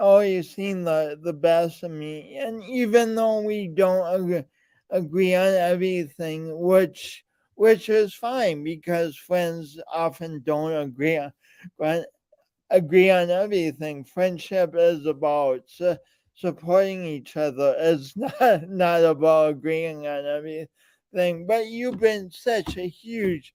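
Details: Man with a speech impediment present since birth and still ongoing, alongside lifelong coordination differences; speech impediment with disfluency.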